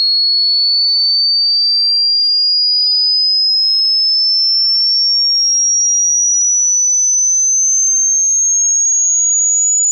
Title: Hearing test frequency ⚠️loud warning⚠️